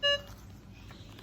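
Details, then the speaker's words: A single short, clear electronic beep as the green button of a pulse oximeter is pressed during a vital-signs demonstration, then quiet room noise; device power-on beep. "So turn it on, press down that green button,"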